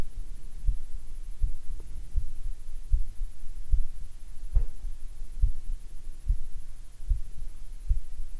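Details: Normal heart sounds recorded with a DIY electronic stethoscope, software computing beats per minute: steady, regular low heart thumps at about 75 beats a minute, an ordinary heartbeat.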